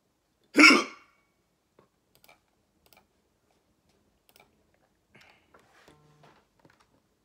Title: Hiccups wont stop